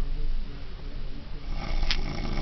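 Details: Person asleep at summer camp: loud, low, rumbling snore with a fluttering rattle, recorded close to the microphone; typical snoring.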